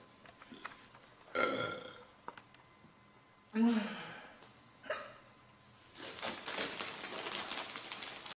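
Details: Girl burping, from a compilation: three short throaty burps in a quiet room, then a longer rough, noisy stretch of belching.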